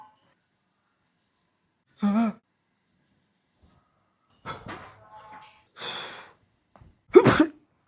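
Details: Acted adult sneezing in a comedy skit: a voiced wind-up gasp, short breathy bursts, then a loud forceful sneeze, repeated many times; sneezing.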